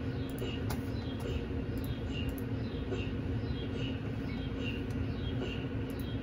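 A steady low hum with faint, regularly repeating ticks, typical of an MRI scanner running a scan sequence.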